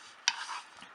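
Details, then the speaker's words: Spring-loaded finger-prick lancing device for blood glucose testing (Nexus Gluco RX kit), loaded by pulling back: single sharp click then brief rustle; lancing device being cocked. "I also got this which is basically the the method by which the needle works so in effect if the needle was a bullet this would be the gum and you can load it just by pulling it back like"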